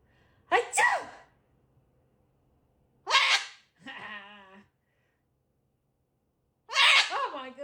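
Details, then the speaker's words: Parrot imitating sneezes on request: three sneeze-like bursts with a short tonal squawk between them; fake, imitated sneezing rather than a real sneeze. "Did you sneeze? Do a sneeze. Make a sneeze."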